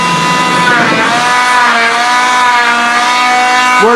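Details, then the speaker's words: Oscillating cast saw cutting off a below-elbow wrist cast, arm relaxed with fingers in line with the radius: steady high whine, pitch shifting slightly as it moves along. "do not put the cast saw in and then move up you will cut them and you will slice them into several pieces it's not fun"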